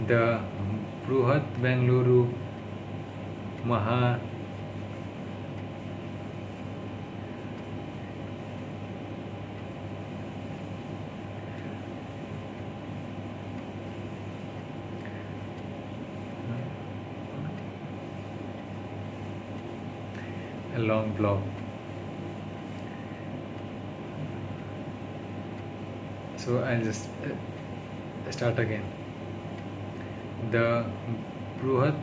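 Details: Adult man who stammers, speaking English on day 36 of daily speech-therapy practice; he calls it his worst stuttering, worsened by tiredness, stress and low mood; stuttering.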